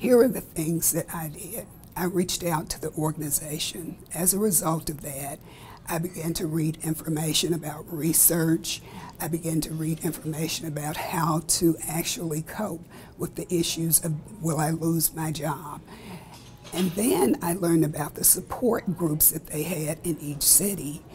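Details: Adult woman with spasmodic dysphonia, a rare neurological disorder with vocal cord spasms during speech; she describes her voice as rough and unpredictable from day to day; spasmodic dysphonia.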